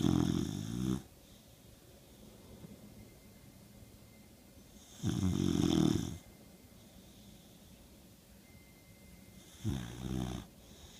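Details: Sleeping dog: three loud rattling snores about five seconds apart, with quiet breathing between them; ordinary snoring.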